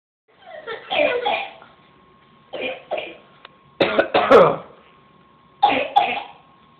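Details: Voluntary fake coughing, deliberate and staged: about four groups of short, forced coughs, mostly in pairs, with quiet gaps between.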